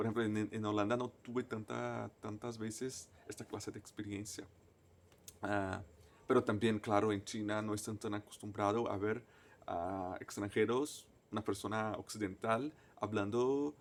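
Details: Stuttering in an adult man, a native Portuguese speaker, speaking Spanish as a foreign language.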